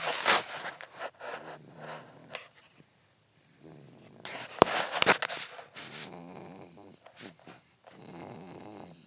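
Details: Snoring: irregular, rough, rattling breath sounds recurring every second or two in a quiet room, with a louder burst midway.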